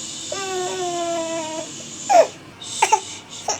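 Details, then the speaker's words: 12-week-old baby boy, a chronic 30-minute napper, left to fuss in his crib during sleep training after waking from a nap; drawn-out tonal cry followed by short fussy whimpers. "so I'm going to let him fuss it out for 10 15 minutes soothe him if needed in the crib but people are saying that he should be able to put himself back to sleep and continue his nap because we have chronic 30 minute naps"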